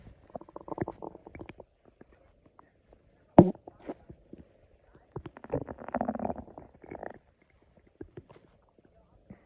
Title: Loud stomach growling after drinking coffee on an empty stomach prt 2